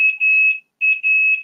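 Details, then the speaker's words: Infusion pump alarm during a Tysabri infusion: repeated loud, high-pitched beeps with short gaps, signalling the Tysabri is done and staff are needed; the patient will then be switched to saline for about an hour, so the beeping persists. "beeping means that someone needs to come in and that means the Tysabri is done and then I'm gonna switch me over in saline for about an hour so the beeping will persist"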